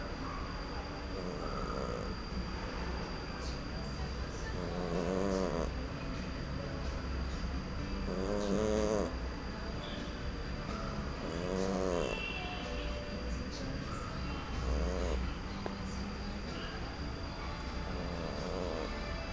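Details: Cat in deep sleep giving soft rattling snores on each breath, about 19 a minute, against steady room noise; snoring.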